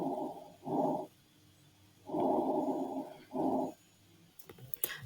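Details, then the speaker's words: Normal vesicular breath sounds heard through a stethoscope during a head-to-toe assessment: soft, low rustling breaths. "Los ruidos respiratorios normales, denominado el murmullo vesicular."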